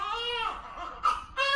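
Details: Newborn boy in hospital just after birth, during his first week: short, high-pitched wailing cries with a catch between bursts, in a quiet room. Newborn cry.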